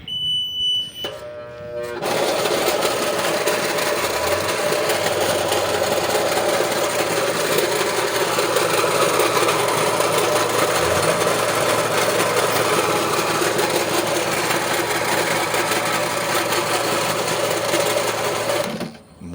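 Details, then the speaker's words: Invacare Platinum 10 L oxygen concentrator with faulty compressor noise: brief startup beeps, then loud continuous rough grinding roar; unit still ran but gave only about 56% oxygen, compressor later replaced. "vamos a escuchar pues ese sonido tan desagradable que va a ser y veamos"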